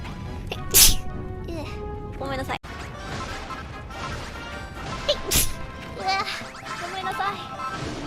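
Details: Two abrupt, explosive sneezes breaking through speech over background music during a live stream; sneezing.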